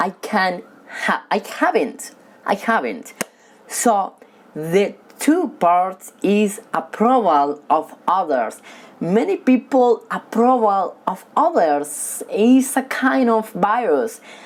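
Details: Male who has stuttered since childhood, stutters when talking with people but reads fluently alone; stuttering.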